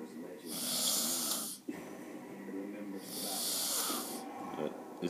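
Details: Two long, loud, harsh breaths with a rattling, fluttering snore on inhalation, about four seconds apart; snoring during sleep after a long night in Vegas.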